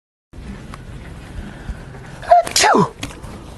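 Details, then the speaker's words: Simulated sneeze performed as a prank: quick intake of breath then one loud, explosive sneeze over steady outdoor background noise. "I'm going to report you. Without turning, you sneeze right into me."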